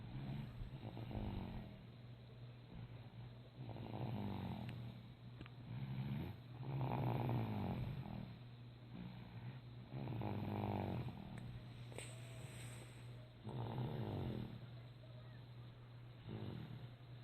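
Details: Snoring: low, rattling snores recurring in slow cycles, about 19 a minute, with soft breathing between them.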